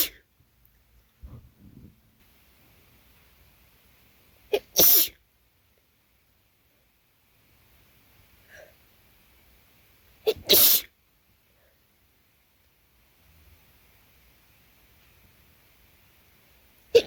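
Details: Two forceful, wet, spraying sneezes after a party, each preceded by a brief catching inhale, in a quiet room.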